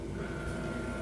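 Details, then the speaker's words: Steady loud mechanical drone with a constant whine as the compressor of a Respironics UltraFill home oxygen system kicks in and fills a partly filled cylinder from the oxygen concentrator: oxygen filling compressor running. "the sound changes you can hear the the compressors kick in and start to fill the tank and you'll also notice that that light is flashing now"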